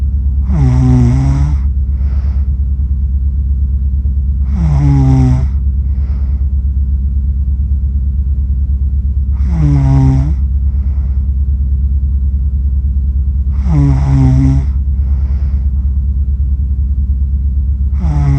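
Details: Person accidentally recorded while asleep, with a self-described funny snore: loud, rattling snores with a deep vibrating tone about every 4.5 seconds (around 13 a minute), over a steady low hum. Finding: snoring.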